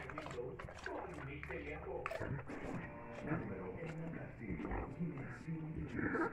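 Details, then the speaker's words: Dog with laryngeal paralysis, severe dyspnea worse with excitement or exercise, regurgitating foamy material after drinking: loud, harsh, crowing inspiratory stridor on each breath in. "if you hear this noise in the reception of your clinic this is lingal paralysis it cannot be anything else okay"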